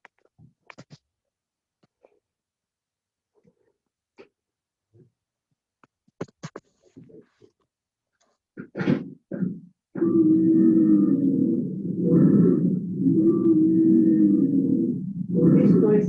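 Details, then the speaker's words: Training manikin simulating an asthmatic patient in crisis: whistling, musical breath sounds, described as heard in inspiration and then in expiration; wheezes from more severe airway obstruction. "es lo que van a escuchar en un paciente asmático o crisis. Escuchan que parece un silbido en la inspiración."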